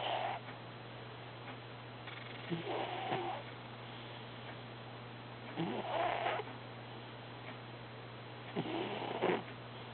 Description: herbie snoring during an active dream